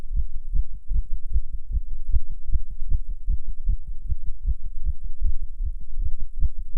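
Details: Non-smoker smoking a cigarette, heart rate rising under nicotine: rapid, regular, low heart thumps over a steady rumbling background; tachycardia.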